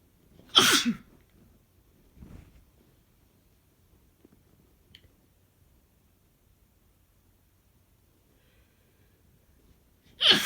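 Two forceful sneezes about ten seconds apart, with soft breathing between. Sneezing from allergies.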